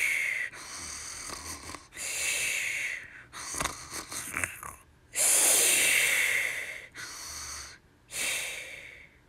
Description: Sleep Time Green Piggies / They are sure pretty snore really loud